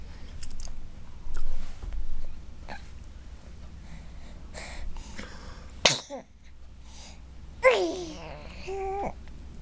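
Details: Baby girl babbling and chatting in a quiet room, then a single sharp small sneeze followed by brief cute vocal sounds.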